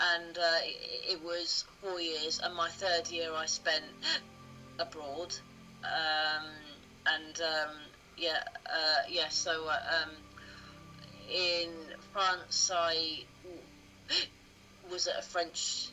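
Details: Adult woman who has stammered since about age two or three, with the stammer reappearing around age 12 in early high school, and who calls herself a proud recovering stammerer; stuttering.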